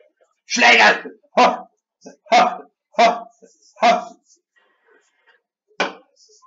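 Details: Person with Tourette syndrome producing vocal tics while playing and commenting on a video game; vocal tics (Tourette syndrome).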